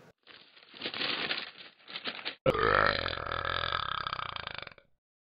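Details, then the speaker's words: Short rough gulping sounds, then a long, loud, rattling belch lasting over two seconds, from a person who says they cannot control their burps; belching. "Fix my burps. With beans. I can't control my burps."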